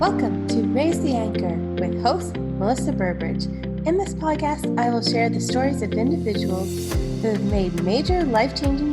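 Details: Adult woman speaking; Normal speech.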